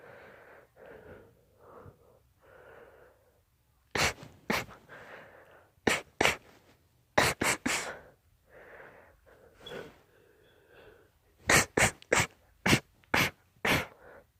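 A run of repeated sharp sneezes, some in quick clusters, with breathy in-breaths between them; a sneezing fit.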